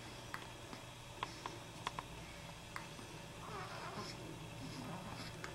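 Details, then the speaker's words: Faint, sharp little clicks recur every second or so over quiet room hum from a swaddled four-day-old newborn girl; hiccups. "still day 4 with the hiccups."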